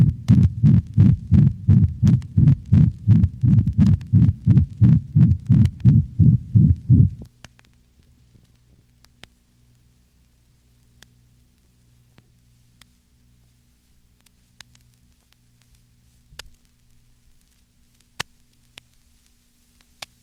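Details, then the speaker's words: Dog, over the mitral and tricuspid valve regions, with little radiation to aortic and pulmonic positions: rapid regular heartbeat with a loud, harsh, hollow systolic murmur resembling mitral insufficiency; ventricular septal defect murmur. "note that the murma of the ventricular septal defect is a harsh hollow systolic sound not unlike that of mitral valvular insufficiency"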